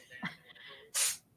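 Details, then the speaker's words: Snotty pet with runny nose sneezing: soft intake then one sharp hissing sneeze burst. "whoa you hear that sneeze I heard the sneeze oh it's oh she's a ref okay sorry sorry everybody she's she's got some snot going on"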